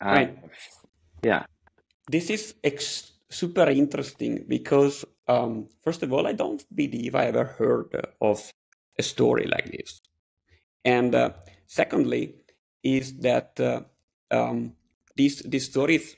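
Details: Adult man; typical speech.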